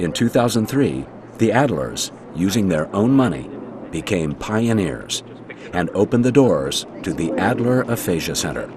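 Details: Adult male narrator; normal speech.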